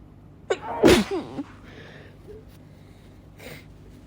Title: induced sneezing (f)